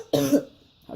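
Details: An adult with self-reported coughing, sneezing, runny nose, wheezing, heartburn, sore throat, hoarse voice and difficulty breathing gives a single short, harsh cough in a quiet room while making ginger, lemon and black honey tea.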